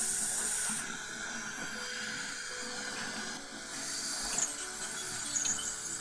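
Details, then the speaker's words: Ultrasonic scaler removing stains from teeth, including lower front teeth, during orthodontic wire replacement on a staff member (training session): continuous high-pitched hiss with water spray and faint tones. "はい、こんな感じで超音波で着色を落としていきます。コーヒーや紅茶を飲む人はよく着色がしやすいです。"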